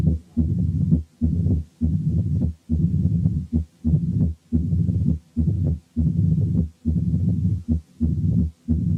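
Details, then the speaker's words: Mitral stenosis with atrial fibrillation: totally irregular rhythm, low rumbling mid-diastolic murmur varying in length beat to beat, no presystolic accentuation. "لاحظوا ان الريزم is totally irregular، وان مفيش بري سيستوليك مامر، وان الميد دايستوليك مامر بيختلف طولها من بيت للتاني."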